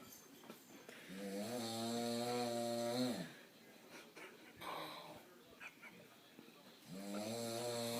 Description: Loudest snores ever